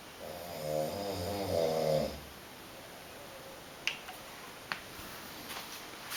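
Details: A snoring competition entry: one rattling snore lasting about two seconds, then quiet with a few faint clicks; a single snoring breath.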